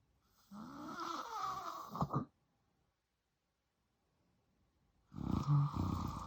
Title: FILMING MY DAD SNORING AND MOVING BACK IN WITH HIM (I WAS SO HAPPY!) ENJOY! 😂